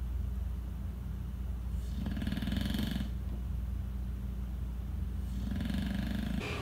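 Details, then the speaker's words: Ordinary sleep snoring from a dog fast asleep in the room: two rumbling snores a few seconds apart over a low, steady room hum. "by the way if you can hear snoring it is walter he is fast asleep"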